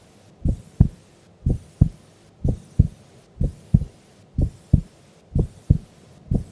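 Steady paired lub-dub beats at about 62 a minute, even and clear. A normal resting heartbeat during sleep.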